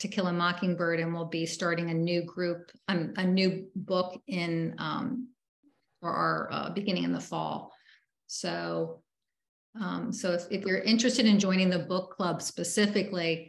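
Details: Person with aphasia, member of an aphasia support group, speaking with repetitions, revisions and word-finding difficulty; aphasia.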